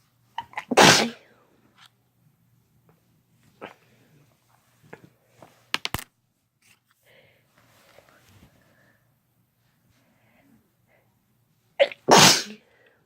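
Two loud, sharp sneezes with small clicks and rustles between them in a quiet room.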